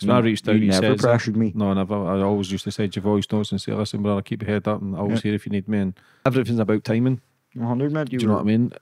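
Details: Adult male speaker; typical speech.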